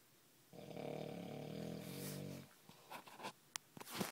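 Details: One buzzing snoring breath lasting about two seconds, followed by soft sniffs and clicks; snoring.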